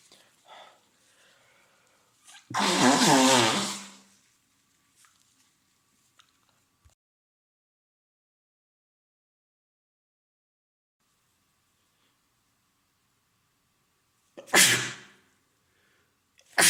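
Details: Adult male with a cold caught from a partner, three days of being very sneezy, sniffly and congested with a stuffed yet runny nose and sore throat: a loud explosive sneeze with a voiced tail, silence, then a second sharp sneeze.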